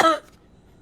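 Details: Acted cough in a comedy sketch, blamed in the story on air conditioning: one short, sharp cough that fades quickly into quiet.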